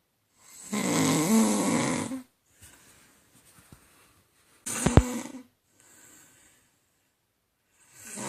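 Loud rattling snores on breathing in, with quiet pauses between, in a sleeping adult; ordinary snoring.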